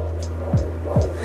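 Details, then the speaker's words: Faint fetal heartbeat on Doppler, heard as two rapid swooshing beats over a steady hum at about 140 a minute. The baby was turning around. "You hear that? It's very faint. You hear that? That's baby's heartbeat."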